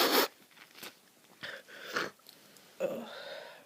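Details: Loud sneeze burst, then sniffing and short noisy breaths through a blocked nose, from a person with flu and heavy nasal congestion; sneeze with nasal congestion.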